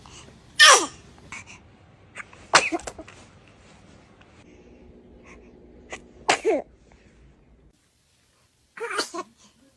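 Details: A series of sharp, high little sneezes from small children, some tiny, some louder, with faint voices between them: normal sneezing.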